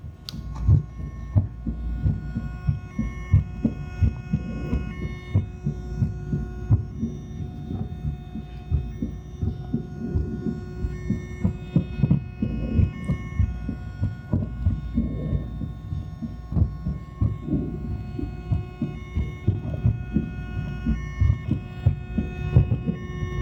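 Low thumping heartbeats through an amplified stethoscope, about 88 a minute, over steady electrical hum.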